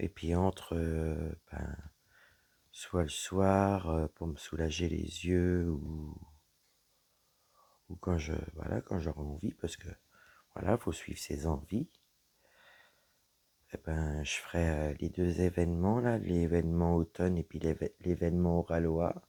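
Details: Woman with dysphonia after a serious health problem damaged her vocal cords; her voice is lower than before, at times weak, and she cannot speak loudly; low-pitched voice.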